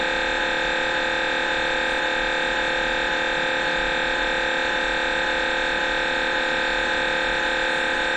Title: MRI hangok/sounds